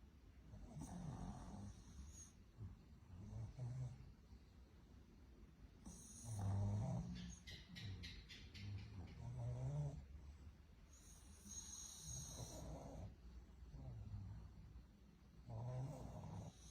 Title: Tiếng ngáy của Pug: Giai điệu của giấc ngủ. Pug's Snoring: Melodies of Sleep"